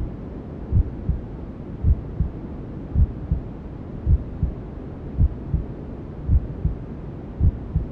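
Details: Simulated newborn sleep-aid ASMR: steady low paired thumps at about 54 a minute under soft continuous hiss, a calm maternal heartbeat with white noise and womb sounds; maternal heartbeat with white noise.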